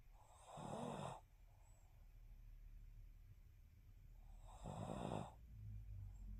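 Two loud, rough, rattling snores on breathing in, with quiet breathing between them; ordinary snoring.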